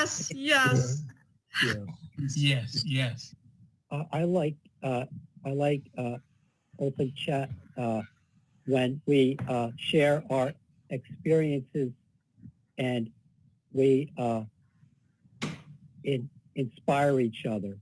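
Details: Adult man with aphasia, a member of an online aphasia chat group, speaking about what the group means to him; aphasia.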